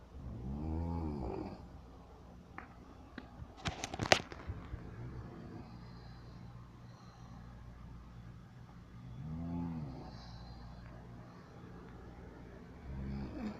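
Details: Man nicknamed the snore king: low, rumbling breath noises about every eight seconds over steady room hum, with a few clicks; snoring.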